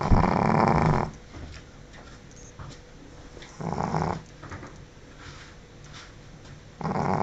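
Loud, rattling snores from a sleeping small dog, one about every three seconds, with quiet breathing between them.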